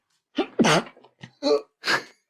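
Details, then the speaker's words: Adult podcast host has a sneezing fit during recording: rapid run of about four sharp voiced sneezes with short intakes between; others joke it may be COVID; sneezing fit. "I apologize profusely wait it's probably the covid just saying yeah it's going around oh here that was definitely a covet sneeze"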